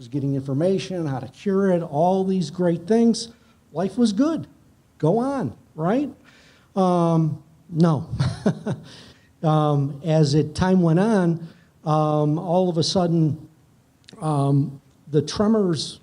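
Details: Adult male speaker; unaffected speech.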